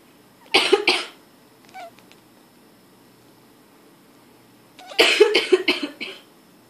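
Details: Two bouts of several quick, dry coughs from an adult woman, with her cat giving a short meow between them, as it does every time she coughs.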